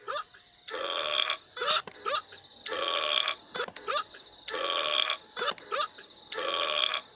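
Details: Eructation in a dingo: a run of loud, rough burps with short yelp-like sounds between them.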